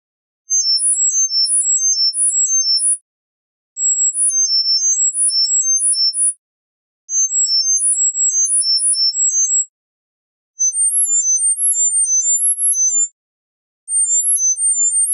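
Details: Acoustic coordinated reset (CR) neuromodulation tinnitus-therapy tone sequences: bursts of brief, high, pure beeping tones hopping between pitches, sampled from 1000–10,000 Hz at 1000 Hz intervals, 10 seconds each.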